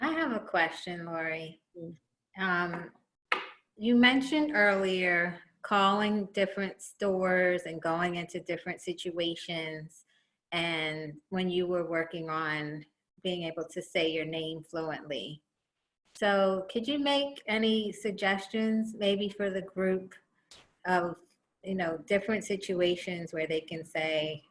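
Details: Adult woman speaking; typical speech.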